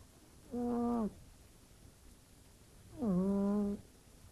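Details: Sleeping cat snoring like a human: two tonal, vibrating snores about two and a half seconds apart in a quiet room.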